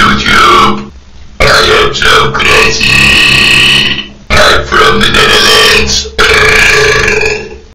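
Several loud, long, deliberately drawn-out burps with brief pauses between them; forced belching.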